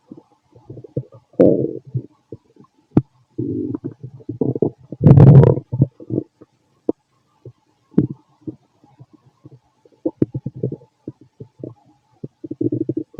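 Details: Fit adult male's stomach recorded with a stethoscope after lunch and a carton of milk; frequent low gurgles, bubbling rumbles and short squelches; normal active bowel sounds, stomach growling.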